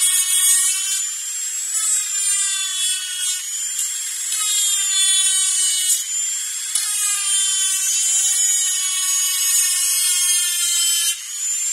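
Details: Dentist's drill sound-effect track: high-pitched steady whine of a dental drill running in bursts with brief pitch dips, in a small room.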